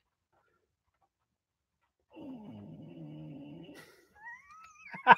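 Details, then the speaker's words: Sleeping English bulldog gives one rough, rattling snore lasting nearly two seconds after two seconds of silence. Viewers suggest sleep apnea needing a sleep machine. "disco used to snore loud like super loud"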